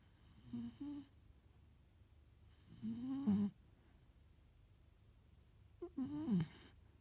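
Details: 15-week-old puppy snoring in sleep: three rhythmic soft nasal grunting snores with a slight whistle, about twenty a minute, in a quiet room.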